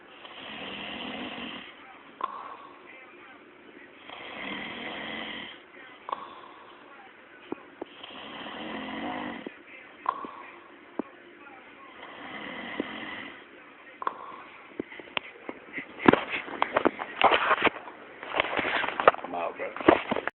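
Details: Snoring: rough, rattling snores recur about every four seconds, roughly 15 breaths a minute, then give way to irregular clicks.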